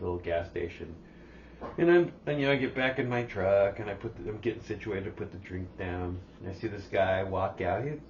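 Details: Adult man speaking; ordinary speech.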